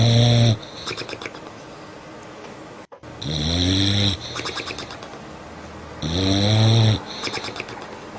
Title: Kitten Pooh is playing. Hera the bulldog snores. Котенок Пух играет. Гера бульдог храпит